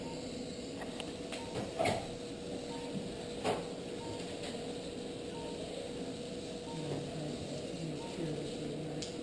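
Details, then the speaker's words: Steady low motor hum and whine with occasional clicks as an arthroscopic shaver clears a scarred posterior gutter during an arthroscopic revision rotator cuff repair of the shoulder. "you give me the shaver so now we can finally get the shaver in"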